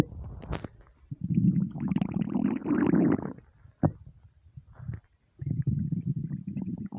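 Loud, drawn-out gurgling rumbles in bursts with short pauses: hunger stomach rumbling, a normal bowel sound.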